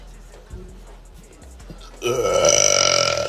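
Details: Female burping: a loud, drawn-out, voiced belch lasting over a second after quiet background noise.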